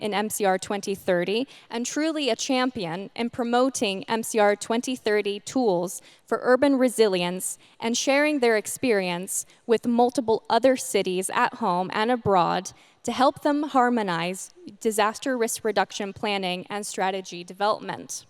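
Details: Adult woman speaking; Normal speech.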